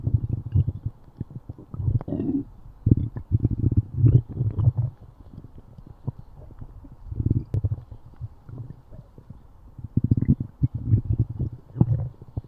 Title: stomach growling